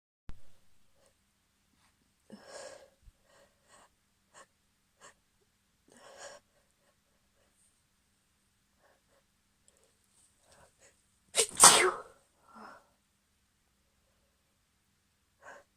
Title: Couple more sneezes (f)